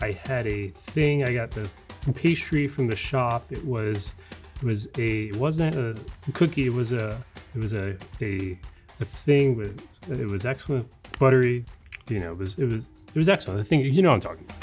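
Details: Adult man who has stuttered nearly all his life, mainly with repetitions and blocks, substituting words he expects to block on; stuttering with word substitution and circumlocution.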